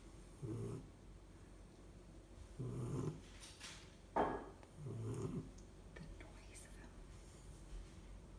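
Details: Puppy that has always snored very loudly, asleep: low rumbling snorts roughly every two seconds with a short snort between them, loud snoring.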